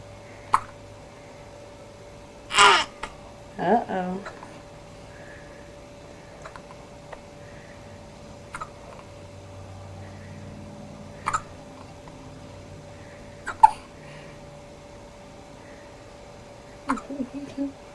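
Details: Baby with hiccups, recorded 2003: short, abrupt catches every few seconds, about six in eighteen seconds, over quiet room hum.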